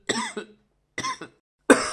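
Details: Three short, harsh, acted cough bursts from an adult man, the first two with a brief second push, the last cut off; cough sound effect.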